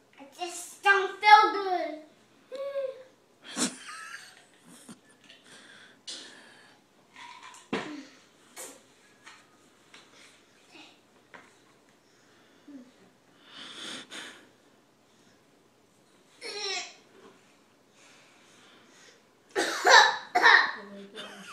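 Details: A 2-year-old girl gives a few short, forced, voluntary coughs between high-pitched vocalizing in a small room, trying to annoy her brother.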